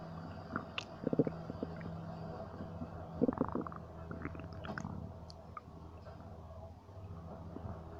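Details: Low gurgling and bubbling abdominal rumbles in irregular bursts over a steady low hum; bowel sounds (borborygmi).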